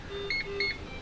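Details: Device beep: two quick electronic beep pairs over low room noise as a Max Venturi high-flow nasal cannula heated humidifier switches from invasive to non-invasive mode, with no water or temperature probe attached.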